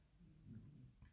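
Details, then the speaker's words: Snoring from a sleeping bulldog heard in the background: quiet, low, rumbling snore, faint against room noise. "ouais je sais pas si vous entendez mon chien ronfler derrière c'est un buouldog"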